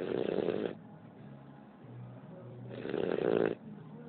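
Loud, harsh snores lasting under a second, about three seconds apart, with softer breathing between them; dog snoring.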